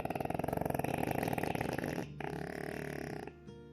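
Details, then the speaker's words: Sedated dog with brachycephalic obstructive airway syndrome: coarse, rapidly fluttering stertorous snoring breathing while relaxed; the upper airway is obstructed, and a sagging soft palate hangs into the lumen over the epiglottis. "наш пациент сейчас под седацией Если слышите то вы слышите этот крюк храп и всё вместе взятое так вот в состоянии релакса животное дышит"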